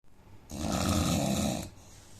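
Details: Indian man snoring, with a suspected nose problem: a single harsh, rasping snore lasting about a second, with a noisy nasal quality, during sleep.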